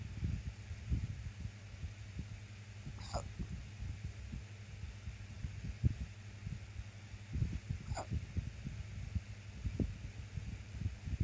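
Two brief, high squeaky gulps about five seconds apart over steady low hum; hiccups.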